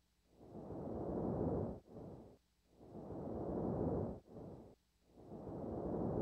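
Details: Loud, soft-rustling breaths at about 26 a minute, with long inspiration and a short expiration about one third as long, in a patient with pneumonia consolidation: vesicular breathing of increased intensity.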